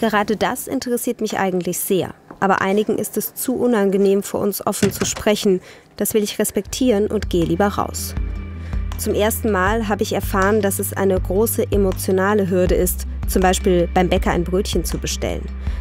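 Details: Adult woman speaking German; normal speech.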